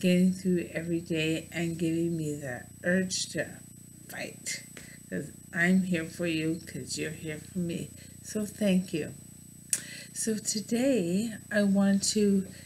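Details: Adult woman with bulbar ALS; mouth and some tongue muscles no longer working from loss of nerve signals for voluntary movement, noticeable in her talking; dysarthria (bulbar ALS).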